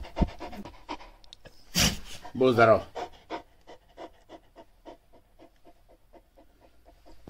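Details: Shar Pei dog panting: rapid, regular, shallow breaths in and out through the mouth, with a brief louder vocal burst early on.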